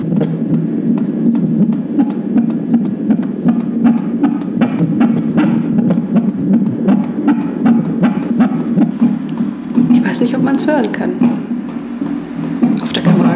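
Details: Fetal heartbeat on Doppler at an obstetric visit at 32 weeks of pregnancy: rapid, galloping whooshes at about 158 a minute, within the usual range.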